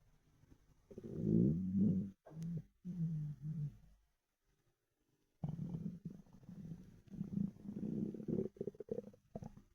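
Loud, drawn-out gurgling and growling rumbles in bursts with a pause between; hunger-related bowel sounds, a normal finding.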